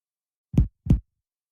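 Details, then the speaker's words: Two short, hollow, drum-like taps from percussing abdominal quadrants during a physical exam, normal tympany over air-filled stomach and intestines; abdominal tympany on percussion. "As you percuss, expect to hear tympany over air-filled organs, such as the stomach or intestines."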